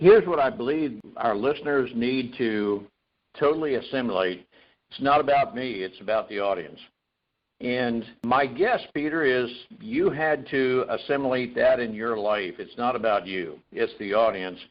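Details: Adult man speaking; normal adult speech.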